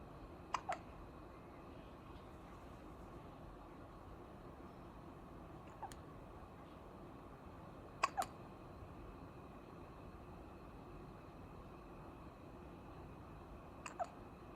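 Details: 9-day-old newborn with hiccups: four soft, brief hiccup clicks over about fourteen seconds in a quiet room.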